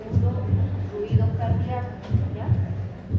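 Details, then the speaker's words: Normal heart sounds in a cardiology semiology class: regular paired low thumps, lub-dub, about 60/min, normal first and second heart sounds without a third sound. "ahora vamos a escuchar un latino cardíaco normal cuando escuchemos el primer y el segundo"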